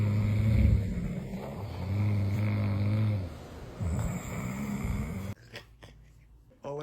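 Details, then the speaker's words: Man in deep sleep after taking two sleep gummies, recorded by a family member: loud, deep, rumbling snoring breaths, each a couple of seconds long, in a quiet room, described as sounding like a freight train. "She said it took forever for her to go back to sleep. And honestly, I'm surprised my son didn't wake up. But like, does she have to record me? Like, dang. If you're trying to sound like a freight train, these are it."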